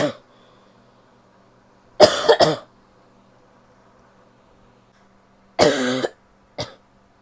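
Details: Adult female gives several harsh, barking coughs in short groups, some loose and wet, in a quiet room; barky and wet cough.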